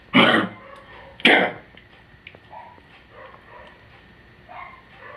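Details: Old dog with congestive heart failure giving two harsh, honking coughs, then quiet room sounds.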